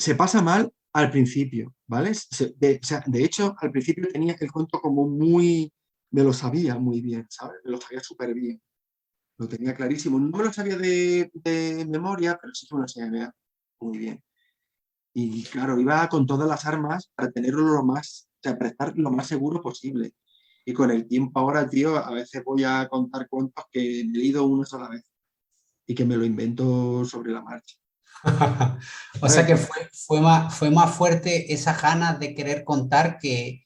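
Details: Adult Spanish-speaking man who stutters, with a constant struggle since childhood to hide it: stuttering.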